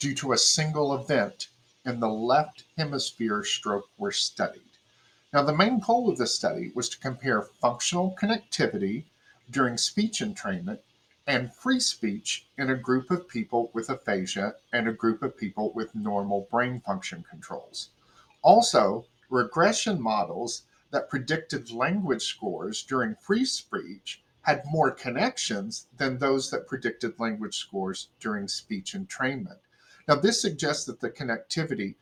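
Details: Adult male speaker; normal fluent speech.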